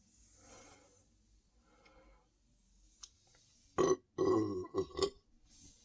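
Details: Faint breathing, then a run of loud belches in quick succession, standing after drinking more Sprite; adult reports feeling very full and tight; belching.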